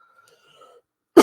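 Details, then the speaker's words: Cough from an adult who has a cold and says they are coughing up phlegm. "sorry I have I have had a cold so I'm gonna be coughing a bit I'm coughing up crap at the minute as well"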